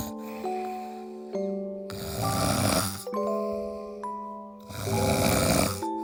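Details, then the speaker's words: Husband's snoring during sleep: two loud, harsh, rumbling breaths in about six seconds, roughly 20 a minute, over steady background music. Typical loud snoring. "以上いつもおなじみのいびきでしたおやすみなさい"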